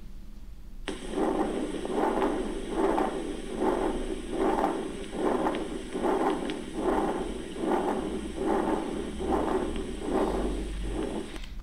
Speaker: Okay, now let's listen. Patent. Ductus arteriosus murmurs.